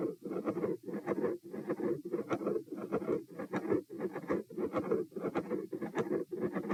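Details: Heart sounds recorded at position P: rapid heartbeat near 98 a minute with a harsh, rumbling continuous machinery murmur gradually appearing and filling much of each cycle; some electrical disturbance.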